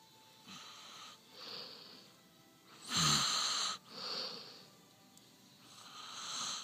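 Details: Adult man asleep: noisy, hissing sleep breaths in repeated cycles, one loud rattling snore among them; snoring.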